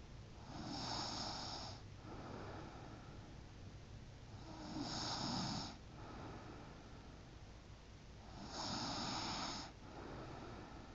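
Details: Three loud, rough snores in about eleven seconds, about fifteen breaths a minute, with quieter breathing between them; ordinary snoring.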